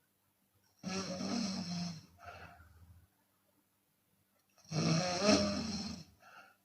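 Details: Chinese woman snoring with open mouth, sometimes on exhalation: two loud, rough inspiratory snores, each followed by a softer audible exhalation; snoring.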